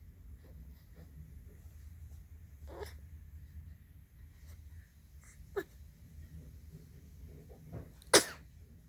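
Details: A single sudden, sharp sneeze burst near the end of quiet room noise.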